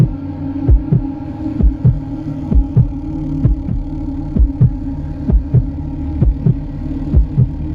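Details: Steady, regular paired lub-dub heartbeat at about 65 beats a minute over a low hum; a normal-sounding heartbeat sound effect for relaxation.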